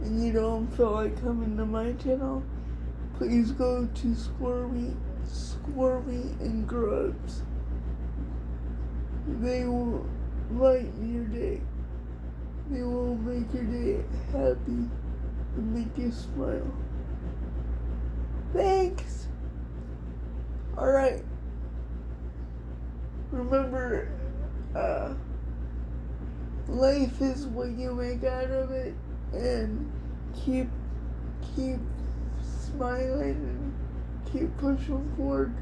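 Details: Adult woman with cerebral palsy diagnosed at 6 months, she thinks level 4 or 5, affecting all parts of her body including speech somewhat and hands, plus dystonia; dysarthria (cerebral palsy).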